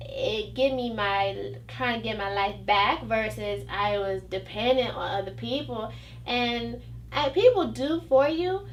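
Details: 29-year-old woman after a stroke, initially misdiagnosed with conversion disorder, with pronunciation and receptive language problems; aphasia with foreign accent syndrome.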